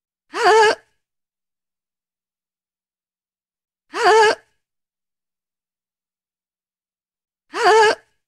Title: Gasping Woman Free Sound Effect | No copyright!!